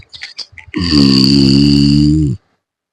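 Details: Adult woman (a mother) snoring while asleep, secretly filmed by her daughter in a comedy video; she later denies snoring.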